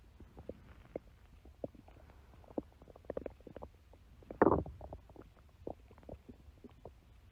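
Scattered soft gurgles with one louder growl midway; ordinary stomach growling.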